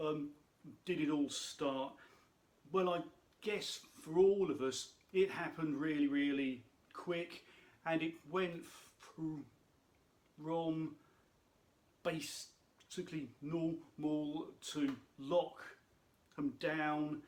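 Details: Adult speaker who states he has a stammer; stuttering (stammer).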